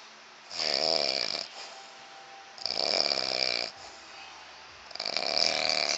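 Loud, rough snores with a fluttering, grunting quality and a hissing edge, three in six seconds over steady room hiss; heavy snoring.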